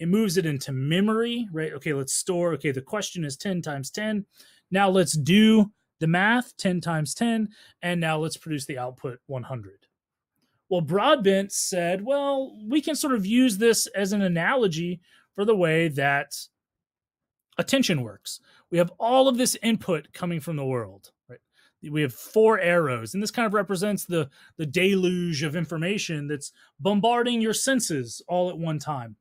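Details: Adult speaker, lecture narration; ordinary speech.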